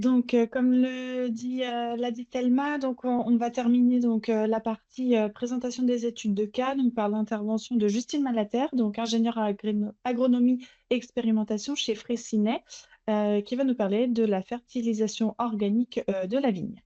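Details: Adult woman speaking French; Normal voice.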